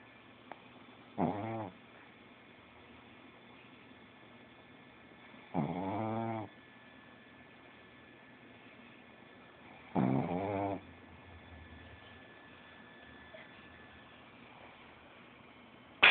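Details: Three rasping, vibrating sleep snores, each about a second long, at slow irregular intervals over quiet room noise.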